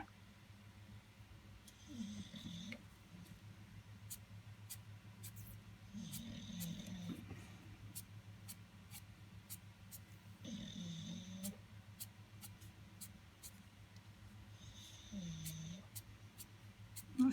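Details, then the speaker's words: Pet bulldog snoring while resting on the end of the bed: slow, rhythmic low snoring with a faint whistling edge on each breath. "my bulldog snoring. I bet you can hear him today because he's quite on the end of the bed."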